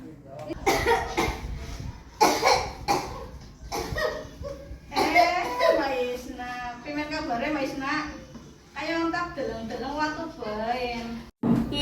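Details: Acted scene from a health-education campaign: several harsh cough bursts, then speech in a small room; the character has coughed for about a month with chest pain, medicine not helping, and TB is suspected; a persistent cough.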